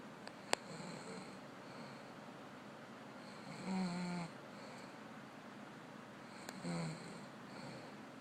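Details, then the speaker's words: Sleeping female snoring: two low, rattling snores on breathing in, about 20 breaths a minute, over steady room hiss; ordinary snoring, played quietly. "We'll put it real quiet so y'all can hear the snorage."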